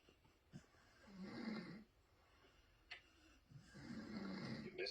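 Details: Sleeping dog snoring loudly, two low rumbling rattling breaths with quiet pauses, television audible in background; snoring.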